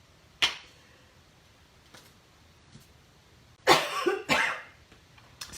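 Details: An adult gives three sharp, dry coughs, the last two close together, with no wet or rattling quality; a dry cough the speaker says feels like a coughing fit coming on.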